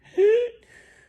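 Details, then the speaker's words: An adult makes a single high-pitched, crowing inspiratory sound, imitating the stridor of a child with croup: imitated stridor. "Really, if you start to hear that stridor,"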